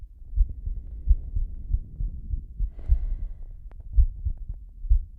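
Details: Slow heartbeat, presented with heavy breathing: regular, steady low heart thumps over a soft hum; breathing not clearly heard.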